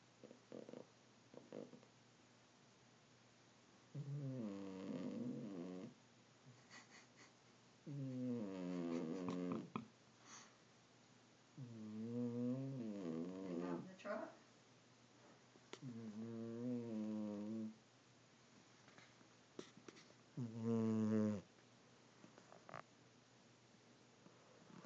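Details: Cat sound asleep in a bathroom sink snores in soft, rumbling bursts, about 15 breaths a minute, with quiet pauses between; snoring.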